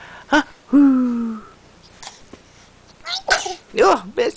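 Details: Infant aged 11 weeks and 2 days giving several short, sharp sneezes, with a brief drawn-out vocal sound and adult voices nearby: sneezing.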